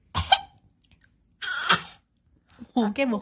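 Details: Imitated cough and sneeze: a few short, deliberate coughs and a sneeze-like burst, followed by a child's voice copying them after the mother; playful imitation, not illness.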